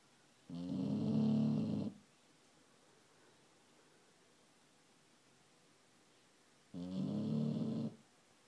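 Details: Two long, low, buzzing snores about six seconds apart, quiet between; a Shar Pei snoring early morning, sucking in the curtains, habitually loud enough to disturb sleep.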